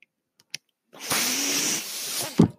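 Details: The podcast host's own mechanical ventilator, heard while he speaks: a couple of soft clicks, then a sustained airy whoosh with a faint low hum and high whistle, ending in a thump, a ventilator delivering a breath.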